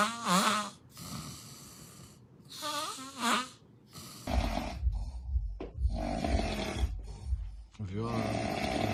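Loud rattling, snorting breaths on inhalation, with irregular noisy breathing between them: snoring.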